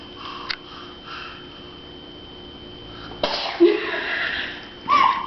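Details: Two-year-old girl on her birthday making herself sneeze on request: a soft sniff, then a brief breathy burst like a small sneeze, room background, no speech; sneezing.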